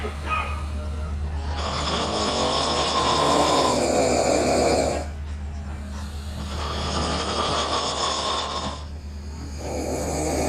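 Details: Two young women snoring hard after a night of drinking: loud, harsh rattling snores in long drawn breaths, about four in ten seconds, over a steady low hum.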